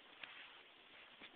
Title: Cracking joints